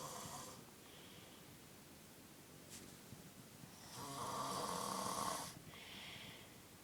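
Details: Snoring: breathy, hissing snores with one louder, buzzing snore on a single breath.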